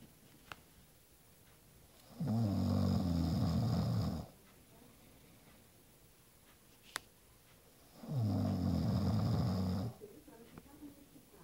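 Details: Two long, low, rattling snores about six seconds apart, each lasting around two seconds, with quiet breathing between them; snoring.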